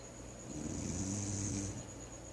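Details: A single low, rumbling breath with a rattling, fluttering quality over steady room hum; snoring.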